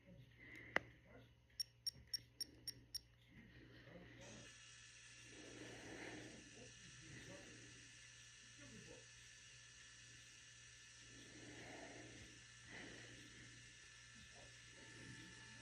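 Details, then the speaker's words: A Medtronic insulin pump beeping during new reservoir set-up after 'load' is held until complete: a series of short, sharp electronic beeps, then a steady hum and faint room sounds. "It's going to beep and then it's going to have a nice little check mark and then you press next."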